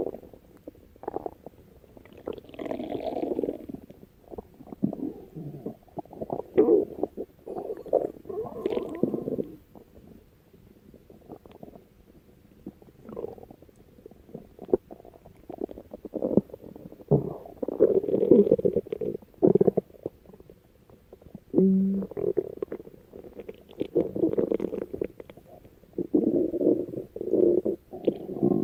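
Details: Stomach growling (borborygmi): irregular gurgling and rumbling bursts from the abdomen as gas and fluid move through the gut.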